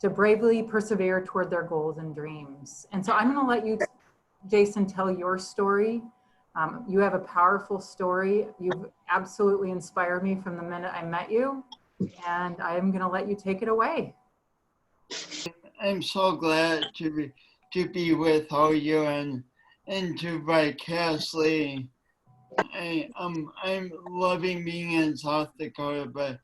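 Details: Woman with a long-standing speech impediment affecting her voice and coordination, which she denied for years; speech impediment (disordered speech).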